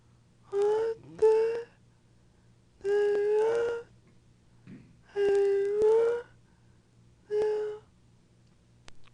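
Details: Female patient with dystonia, also with swallowing difficulty, attempting to speak during a neurologic exam; tight, high-pitched, strained voice, unable to move mouth, tongue, lips and palate to articulate; dystonic dysarthria.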